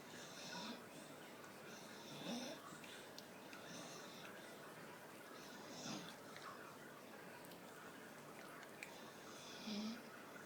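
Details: Staffordshire Bull Terrier snoring while sitting with eyes wide open: soft snorting, rasping breaths recurring every few seconds in a quiet room.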